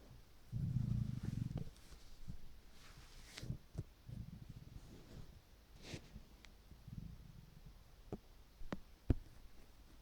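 Low, soft gurgling rumbles with a longer growl near the start over quiet room hiss, fitting hunger stomach rumbling.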